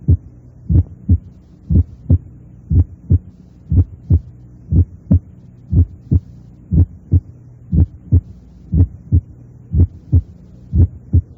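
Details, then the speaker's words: Simulated heart sounds at 60 a minute: a faint atrial fourth heart sound placed 0.05 seconds before the first heart sound blurs into it and becomes much less evident. "Si sitúo el ruido auricular a 5 centésimos de segundo antes del primer ruido, se hace mucho menos evidente."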